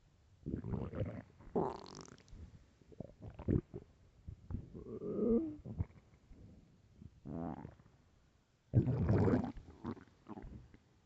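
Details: Loud hunger stomach growling (borborygmi): irregular gurgling and rumbling with squeaky tonal growls.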